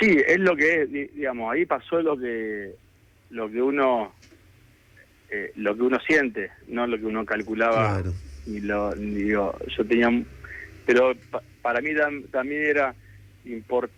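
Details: Adult man who has stuttered since childhood and still lives with it, speaking Spanish in a real live radio interview; stuttering.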